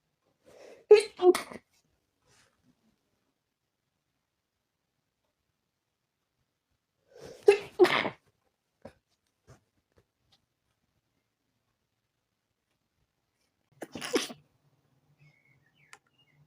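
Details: Three sneezes from a tickly feeling in the nose, the first two each with a short in-breath before the burst, in a quiet room.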